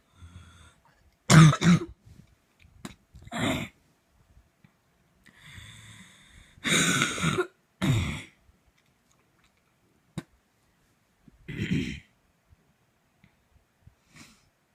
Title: So this coughing fit happened at 2am. Make it stop.